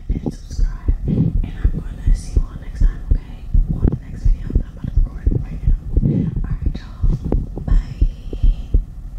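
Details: Heartbeat ASMR recorded after exercise: steady low heartbeat thumps, about 83 a minute, with soft whispering over them.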